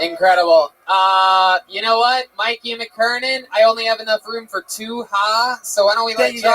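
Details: Adult speaker; normal speech.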